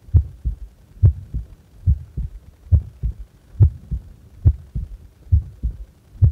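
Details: Normal resting heart sounds of a person doing nothing, at rest: steady paired lub-dub thumps at about 70 beats a minute, with clear first and second sounds and nothing added between them.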